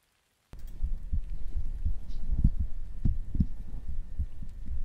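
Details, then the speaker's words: Streamer's own heartbeat played for listeners during an ASMR reading stream: soft, low, muffled thumps repeating steadily after a brief silence, picked up close to the chest; heartbeat. "Can you not hear it? That's my heartbeat. This is what my heart does when I see Coco."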